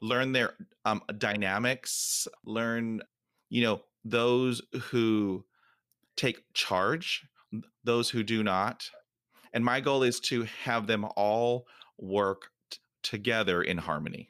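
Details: Stuttering in an adult male who has stuttered for 43 years, with trouble on every letter, especially s, and good and bad days, real speech.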